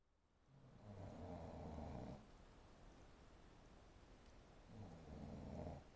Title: My brother snoring haha